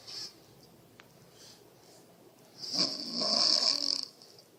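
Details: Mother snoring with her baby nearby, recorded on an iPhone snoring app at 61 dB: a single harsh, rattling snore lasting over a second on a quiet background.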